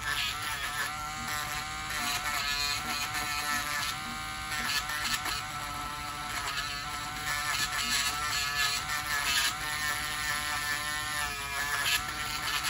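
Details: Continuous buzzing whine of a podiatry burr grinding down thickened toenails of a man on dialysis about a year with suspected severe fungal toenail infection, samples sent to the lab; nail drill reducing fungal toenails.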